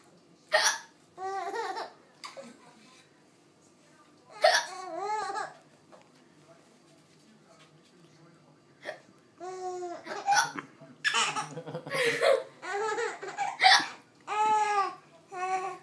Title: Funny hiccups